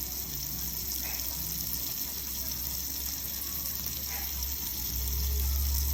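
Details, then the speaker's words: Surgeon's 5-minute pre-operative surgical hand scrub: steady running water with rhythmic brushing and sudsy scrubbing of the whole hand and down the arm to above the elbow, about 30 seconds per part. "And then the whole hand. Down the arm. Being sudsy is very important."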